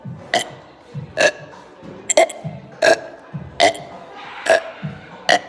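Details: Deliberate burping: repeated loud, short burps, about seven in five seconds, with faint music and low talk behind them.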